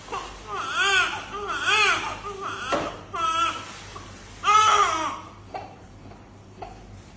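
Newborn crying in short bursts with gasping breaths between cries, in a quiet room; a newborn's cry.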